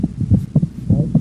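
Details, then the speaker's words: Physiologic split second heart sound, the split varying with breathing in and out, played as a teaching example among systolic heart sounds. "and just split second heart sound"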